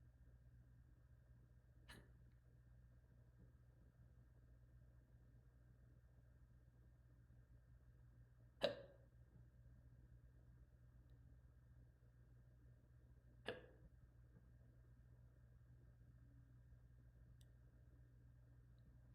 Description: i got the hiccuupppsss